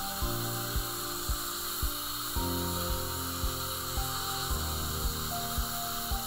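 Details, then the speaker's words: Coarse and medium finishing discs on a composite repair of a Class IV fracture of chipped front tooth #9: a steady low motor hum with rhythmic ticks of the spinning disc on the tooth, faint music behind. "so let's go ahead and finish it up first we'll use just a coarse and medium disk"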